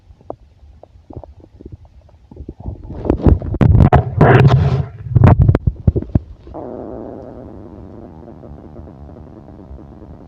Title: stomach growling and heartbeat